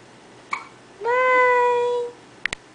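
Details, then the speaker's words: Infant hiccuping while learning to sit: a short cooing cry with brief, sharp, jerky hiccup catches before and after it. "let's see cliffthea has a lot of hiccups almost fall down"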